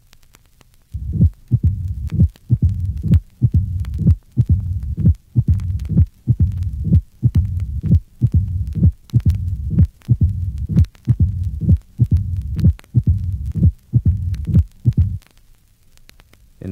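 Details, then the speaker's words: Moderately severe mitral stenosis, recorded at the apex: heartbeat about 70/min with a loud, sharp first heart sound and a low-pitched mid-diastolic rumble. "listen to the mid diastolic murmur of moderately severe mitral stenosis the recording was made at the Apex note allowed a first heart sound and mid diastolic murmur"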